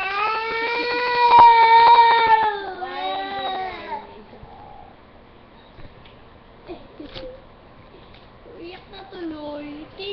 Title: baby crying